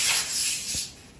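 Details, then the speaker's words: Parapac plus 310 ventilator set-up by a respiratory therapist: a brief hiss of gas as the oxygen hose is attached to the wall outlet, the indicator turning from red to white; normal set-up sound. "all right we're going to start by attaching our oxygen hose to the wall and verifying that the indicator went from red to white"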